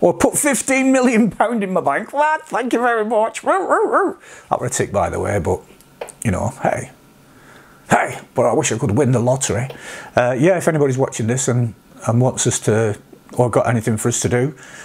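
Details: Vocal tics of Tourette syndrome in an adult man, including interjections like "hey", words, barking and coprolalia; tics at this degree began after age 46, alongside mild sniffing, humming, blinking, eye-rolling and neck-stretching tics.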